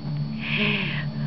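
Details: Cat sneezing: a brief, soft hissing burst of air over a steady low background hum; a single small sneeze.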